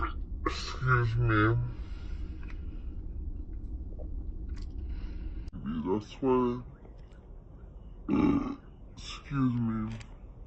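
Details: Slowed-down slow-motion compilation of a young Black woman burping: several deep, drawn-out, rumbling belches in a quiet room, sounding lower and longer from the slowing; ordinary burping.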